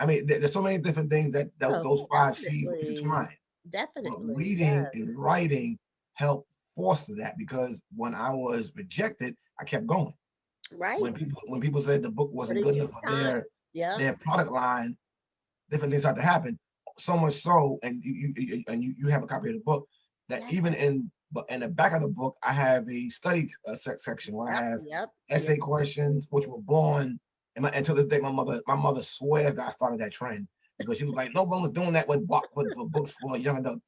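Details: Adult man, an author and motivational speaker, who says he stutters and that others can hear it; heard in conversational podcast speech. Stuttering.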